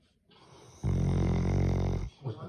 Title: Snoring Doggo